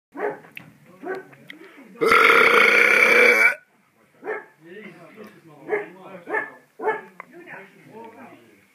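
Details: Outdoors in a garden; a loud, rough belch about one and a half seconds long, with short voiced sounds before and after: burping.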